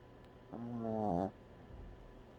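A single short, tonal, buzzing snore on one breath, rising in pitch; ordinary snoring.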